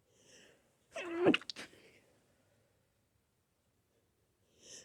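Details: A person with a flower allergy sneezes once, sharply, after a brief intake of breath, in a quiet room.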